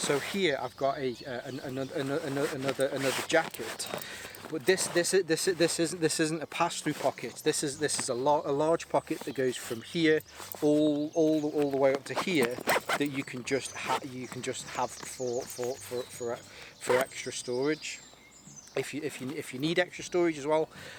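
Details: Adult male with a stammer he links to his anxiety, lingering but improving, helped by propranolol; stuttering.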